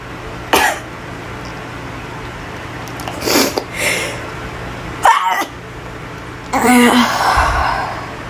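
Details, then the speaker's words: Person sneezing repeatedly in a bathroom, saying they can't stop sneezing: a run of about four quick sneezes with short voiced sounds between, in a small echoing room. "oh my God oh my God I I can stop sneezing oh my God it's [Applause] awful"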